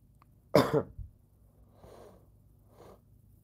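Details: Sick adult host: one sharp, harsh cough followed by quiet breaths; single cough.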